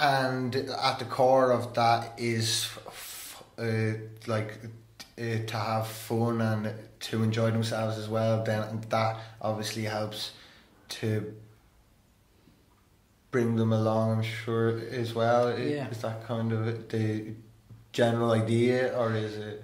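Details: Stuttering in an adult male who stammers and has attended stammering therapy.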